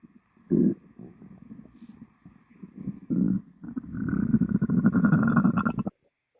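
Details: Person's stomach after lunch, recorded: bubbling, rumbling gurgles building into a long, drawn-out groaning growl; stomach growling (borborygmi) after a meal.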